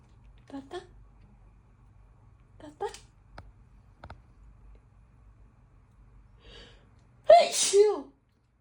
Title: Sry just can’t help it.🤧 #cute #cutecat #cold #sneeze #pets #cat #funny #funnycats #cats